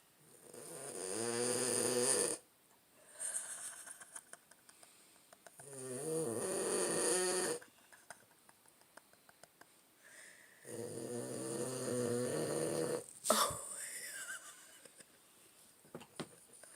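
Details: Snoring from a Boston terrier: loud, buzzing snores with a pitched, humming quality, roughly 12 a minute, separated by quiet pauses.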